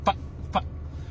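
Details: Simple vocal tics in an adult stand-up comedian with Tourette syndrome.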